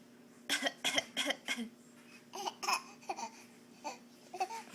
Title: Bad cough :)